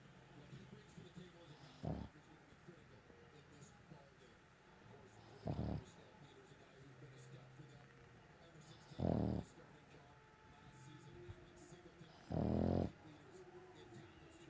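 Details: A dog in deep sleep snoring loudly: four loud, low rumbling snores about every three to four seconds.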